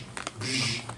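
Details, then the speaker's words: Vocal imitation of a holosystolic murmur, as with mitral flow: a steady blowing hiss lasting through systole that covers S1 and S2, so neither is heard as a distinct sound. "Sometimes it completely covers up S1 and S2. A holosystolic murmur can just sound like this,"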